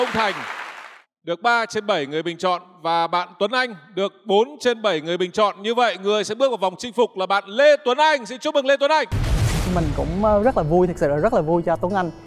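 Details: Adult male host; typical speech.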